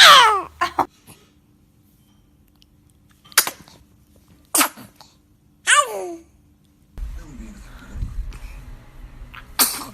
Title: TOP 10 Cute Babies Sneezing Moments - Funny Baby Video